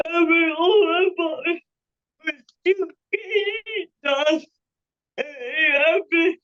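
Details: Panelist with cerebral palsy whose speech is revoiced by another speaker; dysarthria (cerebral palsy).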